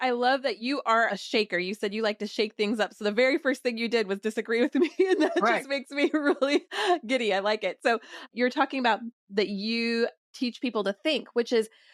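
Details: Adult woman; normal speech.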